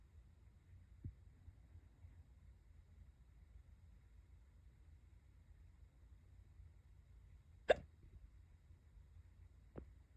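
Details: Three sharp, brief hiccup catches a few seconds apart in a quiet room; hiccups.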